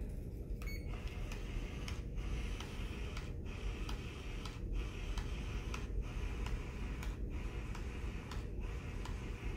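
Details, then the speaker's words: CADD-Solis PCA infusion pump, demonstration cassette, priming tubing via Task menu after air detected: low motor hum with regular soft clicks about every 1.3 seconds during infusion pump priming. "and then i'm going to go to the task button and i'm going to go ahead and scroll down to prime tubing and then hit prime again"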